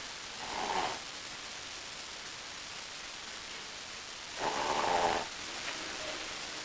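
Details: A Brussels Griffon dog asleep in his favorite position gives two soft, whistling snorts about four seconds apart over steady hiss: small dog snoring.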